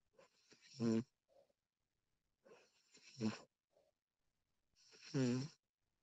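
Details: Snoring recording of a sleeping woman: three snores in six seconds, each a short inward rattle followed by a soft puff out.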